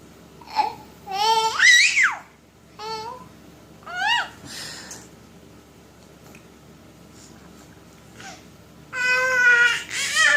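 Several short, high-pitched rising and falling vocal bursts from an infant, fussing cries mixed with babbling, in a quiet small room.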